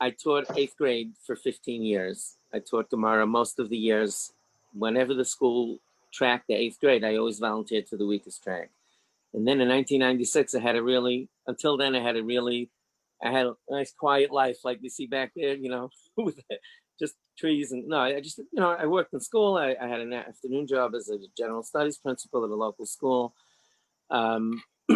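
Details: Adult man, an orthodox rabbi, who stutters mildly; stuttering.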